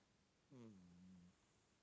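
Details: Siamese cat snoring: a single drawn-out, low buzzing breath in a quiet room.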